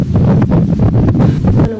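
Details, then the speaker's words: Stethoscope sound for a newborn with a heart defect, artery narrowing or heart muscle enlargement: rapid infant heartbeat with a continuous whooshing rumble between beats; heart murmur of congenital heart disease. "ولو طفل صغير يتولد وعنده صوم في عضلة القلب أو ضيق في الشرايين أو تضخم في عضلة القلب ودي حالة شائعة طبعا وده الصوت."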